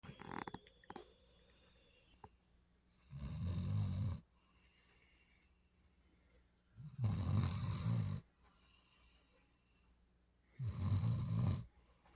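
Three loud, low, rumbling snores on slow breaths, with quiet pauses between them: snoring in a sleeping dog.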